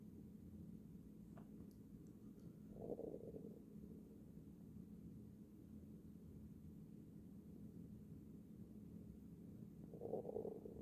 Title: Stomach growling to not make me sleep